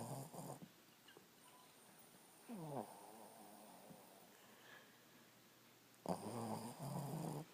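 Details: Snoring during sleep: low, rattling snore bursts with a fluttering quality and quieter breathing between, over faint room noise.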